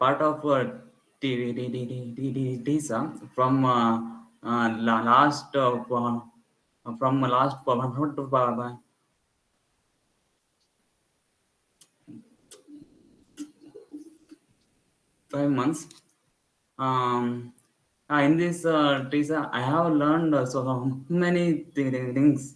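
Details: Adult man in a stammering self-help group who says he is improving; real speech showing stuttering with repetitions and long blocks.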